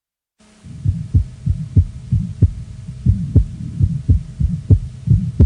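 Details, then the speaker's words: Still's murmur, innocent functional ejection murmur of preschool children, from blood flow through the aortic valve, best heard at left parasternal mid-to-lower sternum; quick regular heartbeat with soft, low-frequency, musical humming murmur like a vibrating taut cord. "этот шум тихий и низкочастотный имеет музыкальный оттенок сходный со звуком дрожащего натянутого шнура"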